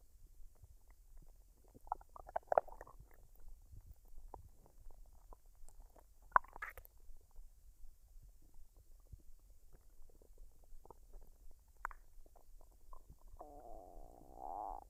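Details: Female recording her own stomach while digesting a dinner of fried rice and duck, unedited with no added sounds: soft irregular gurgles, squelches and a brief rumbling whine, normal bowel sounds.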